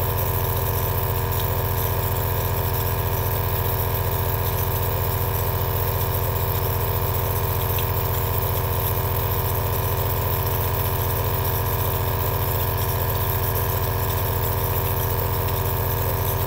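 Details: Steady, loud, low mechanical drone with a fast even rattle from an aerosol nebulizer compressor running continuously, recorded as relaxing ASMR.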